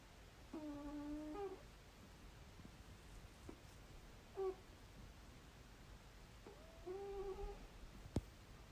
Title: listen to Nelly snoring #shorts #cat #catlover #snoringcat #love